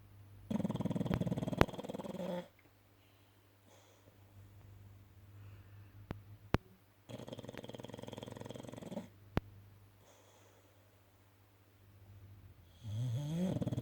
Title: Snoring dog